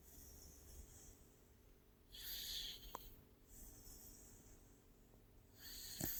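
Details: Pit bull dog sleeping: short, hissing, snorty breaths in a repeating rhythm with quiet gaps; snorting and light snoring while resting.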